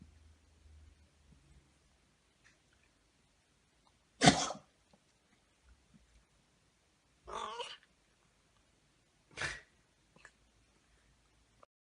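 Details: Cat coughing: three short, harsh, hacking bursts separated by quiet, shown by a feline veterinarian to tell coughing apart from retching up a hairball.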